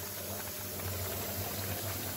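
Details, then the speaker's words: Homemade breathing-aid/ventilator prototype running: continuous gentle, steady, even bubbling through water at stable pressure, delivering warm humid air to a simulated patient; bubble CPAP bubbling. "okay so nice warm humid air let's go back instead of look okay nice warm bubbling"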